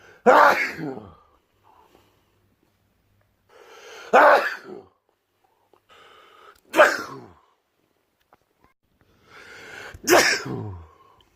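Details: Person allergic to strong smells who sneezes a lot before Christmas: four loud, explosive sneezes over about eleven seconds, each with a brief in-breath before it, repeated sneezing.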